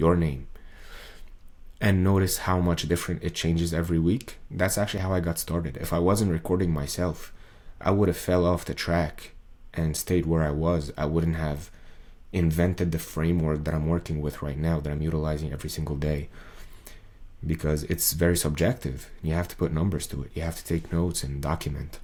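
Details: Man's recording from before 2023, around when an ENT diagnosed his muscle tension dysphonia by laryngoscopy at the end of 2022; speaking took great effort, a 40-second video needing about 45 minutes; muscle tension dysphonia.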